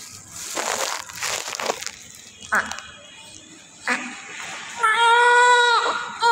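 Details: Newborn at birth: short gasps and noisy breaths, then a loud, sustained, strong first cry with music underneath.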